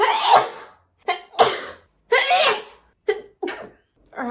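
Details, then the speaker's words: Woman has a sneezing fit after trimming and plucking her eyebrows during makeup: a quick run of about six sharp, explosive sneezes with short pauses between them. "I really need a sneeze but I can't like I can't it'll ruin everything"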